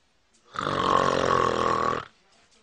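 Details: Adult man (dad) snoring, heard by his 2-month-old baby for the first time: one loud, rough, rattling in-breath snore lasting about a second and a half.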